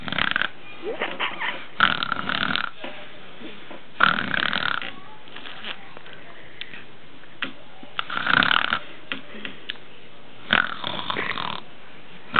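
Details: Snoring at the beach: loud, rough snores on several breaths, with quieter breathing between them.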